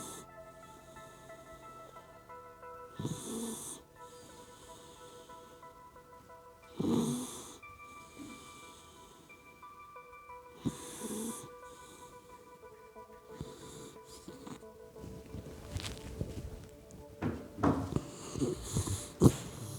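Soft, irregular snoring snorts from a sleeping puppy, a few breaths apart, over steady background music; ordinary snoring during sleep.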